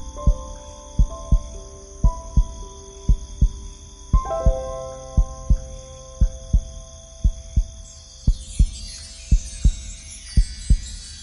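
Steady low thumps in pairs at about 58 a minute under soft piano music and sustained tones; a slow, regular heartbeat.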